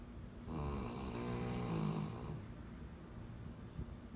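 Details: Snoring puppy: one long, loud, rattling snore on the in-breath, then a quieter breath out.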